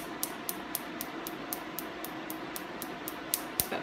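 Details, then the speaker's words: Adult man's laser tattoo removal treatment, given in short bursts on a sensitive area: sharp popping snaps about four per second over steady machine hum as laser pulses strike the skin. "so now we'll work on the O little spurts are more comfortable okay so we'll do a little bit so I'll give you a little break it's also sensitive back here"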